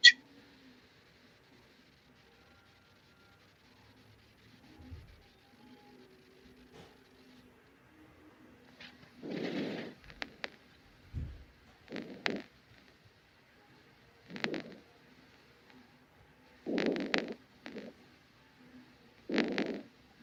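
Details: Normal vesicular breath sounds, expected over all lung fields away from the spine, in a respiratory auscultation lesson.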